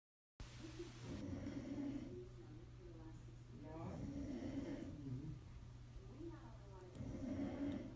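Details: Person snoring continuously with low, rough rattling and fluttering throat noise rising and falling over several breaths; snoring.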